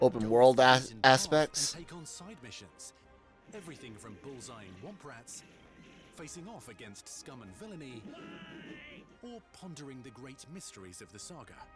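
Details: Adult male narrator; normal speech.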